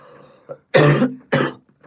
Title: OnlyOneOf cough